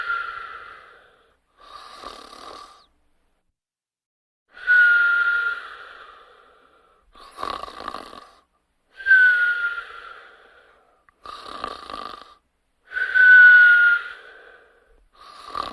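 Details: Snoring alternating with high whistling tones on the breaths, about 14 breaths a minute, during sleep; whistling snore.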